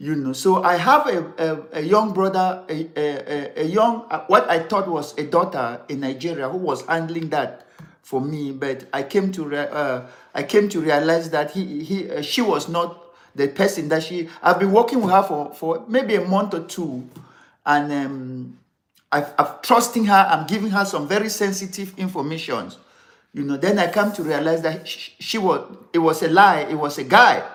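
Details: Adult man, severe stammerer since childhood, later diagnosed with attention deficit disorder (ADD); in unedited live speech he reports trouble pulling out words and words coming out differently than intended; stuttering (stammering).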